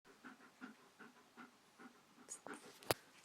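Quick, regular, soft breaths at about 140 per minute, ending in a sharp click; a dog panting.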